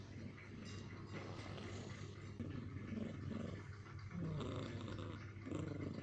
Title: Funny cat snoring and angry. Kucing lucu ngorok dan marah